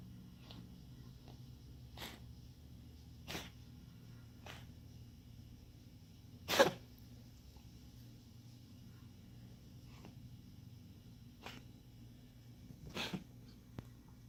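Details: A pet monkey makes repeated short, sharp expulsive bursts, mostly soft with one louder one: coughing.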